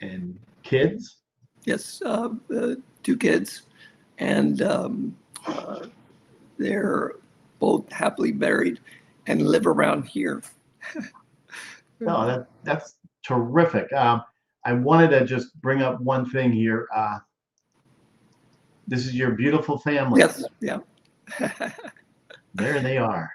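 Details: Aphasia in an adult male stroke survivor after a severe stroke, following over a decade of rehabilitation.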